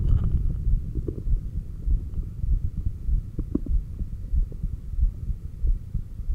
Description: Breathing, exhaled (stomach vacuums) and inhaled breathholds, pushing it a little, all with heartbeat recorded on apex.